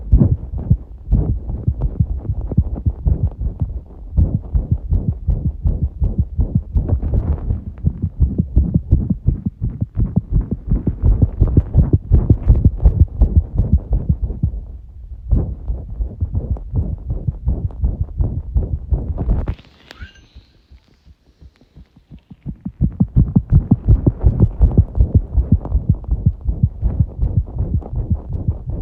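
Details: Tachycardia: rapid, muffled heart sounds recorded with firm pressure on the chest.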